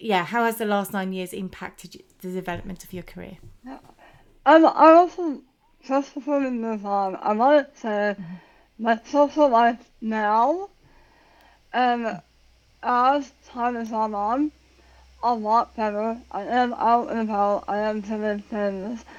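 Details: Adult woman about 9 years after tongue cancer surgery and radiation, who had to relearn how to talk; articulation disorder after glossectomy.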